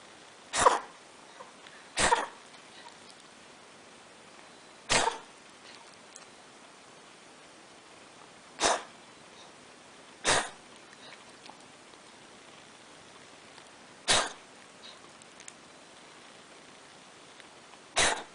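Seven short, sharp, dry coughs spread over about 18 seconds: cough of feline asthma, often mistaken for hairball retching.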